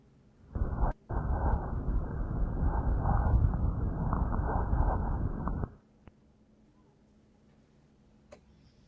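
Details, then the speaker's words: About five seconds of dense crackling rustle in the chest, like hair rubbed between fingers, played in a pathophysiology lecture; fine crackles. "se escuchó Sí ese sonido de los cabellos que le había mencionado"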